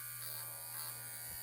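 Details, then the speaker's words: Steady electric buzz of hair clippers running in a small room during a pre-surgical site prep skills demonstration; clipping is only pretended here, not on an animal. "So turn your clippers on, cut your area. I'm just going to pretend right now."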